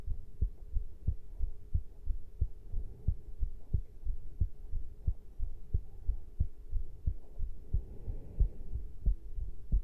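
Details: Steady, brisk heartbeat with clear paired thumps over a faint low hum after caffeine intake; normal heart sounds.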